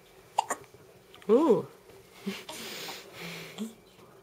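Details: Infant hiccups: two short, sharp hiccup bursts with soft infant vocal sounds against quiet room noise.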